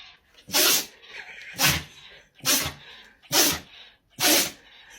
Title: Dogs Sneeze😂 Part 2| Try Not To Laugh | Funny Animals #funny #pets #dog #animals